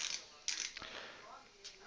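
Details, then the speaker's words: Dentsply Ankylos implant bridge delivery, driver gently and passively seating implant abutment screws by hand in the patient's mouth: a few sharp mechanical clicks and ratcheting rasps; ratchet driver tightening implant abutment screw. "hold and just gently very passive here these screws are going in almost identical to each other"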